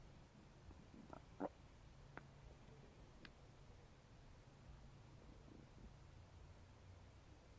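Low rumbling gurgles with a few brief squeaky gurgles over a faint steady hum; ordinary stomach rumbling (borborygmi) after eating.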